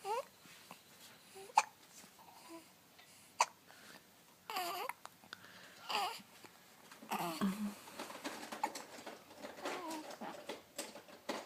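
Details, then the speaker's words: Baby hiccups: sharp, abrupt little catches of breath recurring between baby babbling and squeals. "hello uh oh you have hiccups now hello"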